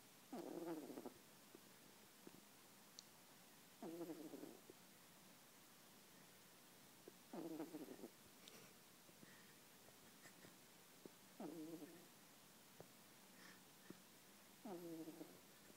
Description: Adorable video of Truffle, the poodle snoring lightly.